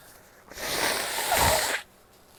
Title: sneezes and nose blows (f)